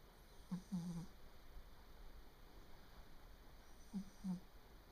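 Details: 3-year-old male Japanese Bobtail cat snoring while asleep, which the owner calls a strange sound: short, low snorting breath noises in two paired bursts.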